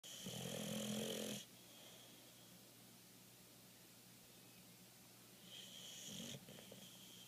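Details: Boxer dog snoring while asleep: two loud rattling snores on breaths with a quiet pause between them.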